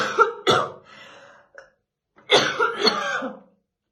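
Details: Harsh, rough coughing bursts with a short pause from a woman brushing her hair in the morning; a heavy smoker's morning cough, stated to be real and not acted.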